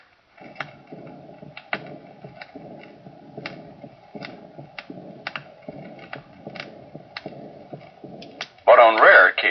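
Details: Aortic stenosis with aortic regurgitation (systolic and early diastolic murmurs).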